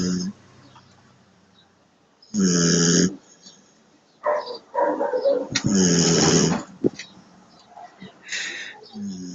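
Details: Dog sound asleep, snoring: irregular snorting, rumbling bursts separated by quiet pauses.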